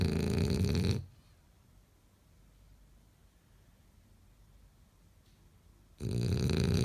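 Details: French bulldog (Hammer) sleeping; loud, coarse snoring bursts at start and end with about five seconds of near silence between; dog snoring.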